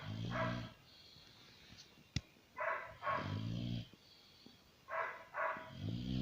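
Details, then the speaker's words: Sleeping dog snoring heavily: rumbling, vibrating snores on each breath, about 24 breaths a minute, with a growl-like rasp. "Peggy, ¿por qué ronca tanto pues?"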